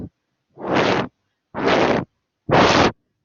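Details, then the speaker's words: Vocal imitation of a regurgitant (valve insufficiency) murmur, described as higher-pitched than a stenosis murmur: three soft, high, hissing whooshes about one second apart. "En cambio acá, el soplo que ustedes van a encontrar en las insuficiencias es algo más agudo, va a ser esto."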